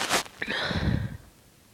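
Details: A sharp explosive burst of air followed by a hissing, breathy trail: an itchy, tickly sneeze.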